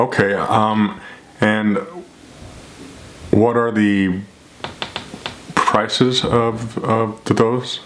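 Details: Adult man who stutters, speaking during a real phone call to a store clerk, to whom he discloses a speech problem; finding: stuttering.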